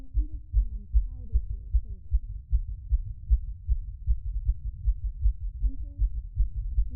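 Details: Female's heartbeat picked up by a microphone and said to skip a beat, though no clearly missed beat is heard: low, steady thumping with faint room sounds.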